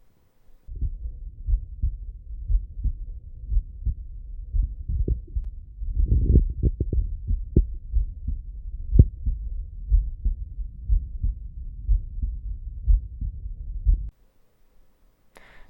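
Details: Normal heart sounds through an Eko digital stethoscope placed inside a bag, as for infectious patients: regular low thumps at about 60 a minute, muffled and rustly through the covering.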